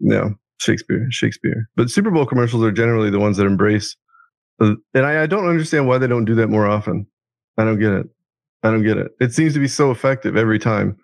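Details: Adult man with Tourette syndrome, whose involuntary vocal tic is a word repeatedly blurted out during conversation; vocal tic (Tourette syndrome).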